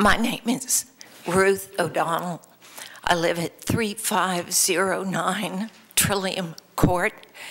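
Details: Vocal tremor in an adult woman who states she has a vocal tremor; real, not acted.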